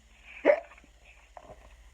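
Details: Adult imitating hiccups while reading a children's story aloud: a single sharp, voiced hiccup sound, then a softer follow-on sound; simulated hiccups.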